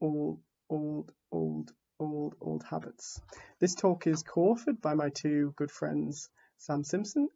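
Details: Stuttering in an adult man who identifies as a person who stammers, giving a conference talk; repetitions are audible.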